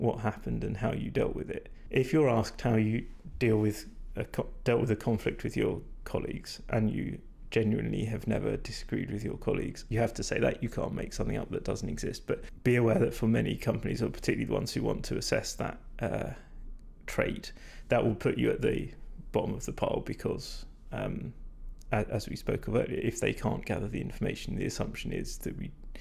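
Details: Vocal fatigue in a man whose voice is degraded and stressed after talking a lot without drinking enough.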